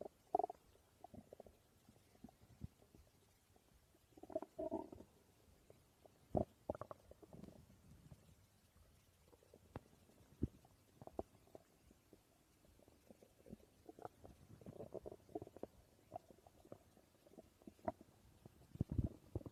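Quiet, irregular gurgles and short rumbles from the belly: ordinary stomach growling, normal gut activity.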